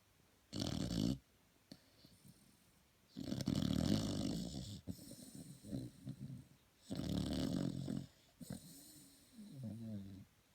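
Three loud, rough, low breathing noises with quieter breaths and a whine between them, fitting snoring.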